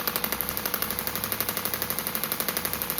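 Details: Radial shockwave therapy self-applied by a perimenopausal woman to myofascial soft tissue of her shoulder, injured by a childhood dislocation at about age 11, week 1; rapid steady mechanical clicking about 12 pulses a second over constant hum; device firing.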